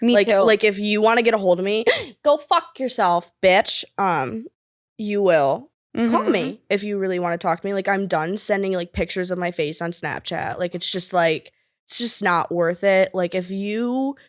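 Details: 20-year-old woman with Tourette syndrome (involuntary motor and vocal disorder, diagnosed 2020, with tic attacks) speaking with interjected vocal tics; vocal tics with coprolalia-like swearing.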